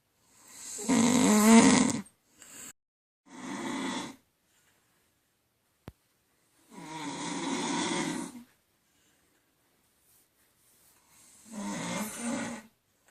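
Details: Adult woman snoring during sleep: loud rattling inhaled snores, several in a row, separated by quiet pauses.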